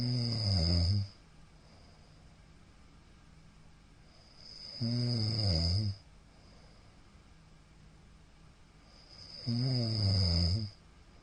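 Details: Middle-aged man snoring during sleep, recorded 2022-02-15: three loud, low, rattling snores about 4.5 seconds apart, roughly 13 a minute; snoring.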